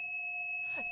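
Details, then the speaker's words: Simulated tinnitus: a steady, piercing high-pitched tone with a fainter lower tone beneath it, imitating ringing in the ears. "Phantom screeching sounds have you ever had to deal with tinnitus"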